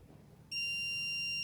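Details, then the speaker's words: A training defibrillator in a training demonstration prompts "stand clear, press the shock button" and then says "shock delivered"; a sudden steady high-pitched tone, with no real shock given: the AED shock tone. "Right, it wants to shock, so Stand stay back. clear. Press Shocking the now. button. Shock delivered."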